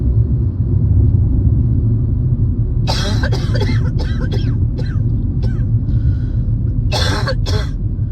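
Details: Adult coughing while driving at night during a spring cold, in its later, milder stage. A run of several harsh coughs, then two more, over heavy car engine rumble: a coughing fit.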